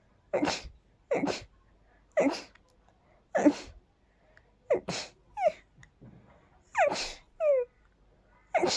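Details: Repeated sneezing from dust allergy: a rapid series of about nine sneezes, the later ones ending in high, squeaky notes.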